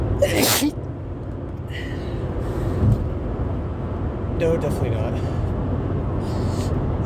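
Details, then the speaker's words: An adult sneezing repeatedly while driving, nose tickly, possibly from the cold: one sharp sneeze then a couple of smaller stifled sneezes over steady road noise inside a car; sneezing. "I've been sneezing the entire ride there. Yeah, they just won't stop. A little tickly."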